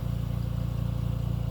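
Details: Home oxygen concentrator with a humidifier water bottle and tubing to the patient's nasal cannula, running normally: steady low motor hum with fast regular pulsing.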